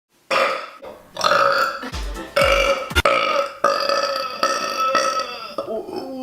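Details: Compilation of a woman's deliberate burps: a run of long, loud, voiced belches one after another with brief gaps; repeated burping.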